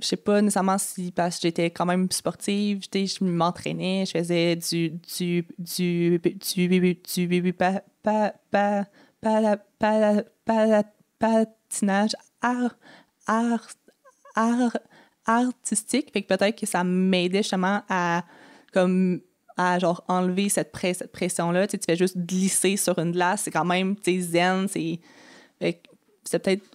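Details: Adult woman who has stuttered since age 6, with about 4 or 5 speech therapies; stuttering.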